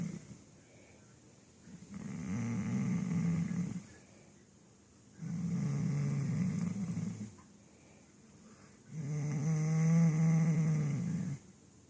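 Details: Snoring from Poppy while sitting up: three long, low, fluttering snores on in-breaths, about fifteen breaths a minute, with quiet pauses between.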